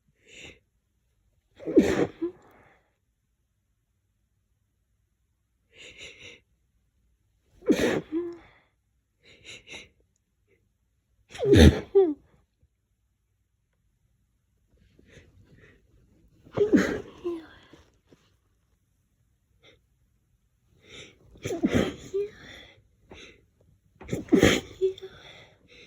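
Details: Repeated forceful sneezes, about six, each preceded by a short catching inhale, after pressing the face into a lavender-scented pillow; the sneezer is not allergic but is sensitive to lavender.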